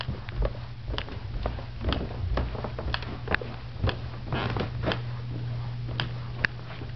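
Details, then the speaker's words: Knee clicking and crunching since yesterday morning on climbing stairs or extending the leg, painful and feeling weird, no remembered injury: repeated sharp clicks and gritty crunches over room noise; knee crepitus. "my knee has been making the most God awful noise since yesterday morning when I go up the stairs you will hear it it also hurts whenever it does this so"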